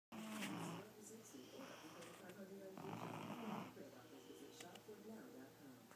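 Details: Stepson snoring in his sleep in a small room: rough, noisy breathing with a fluttering quality; snoring.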